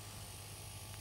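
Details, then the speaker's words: Suction machine switched on during a tracheostomy suctioning practical demonstration on a model: a steady low mechanical hum with a buzzing motor drone. "okay so you're gonna turn on your suction okay you're gonna slowly remove your catheter from the plastic slave making sure your clean hand is the only hand that touches the catheter"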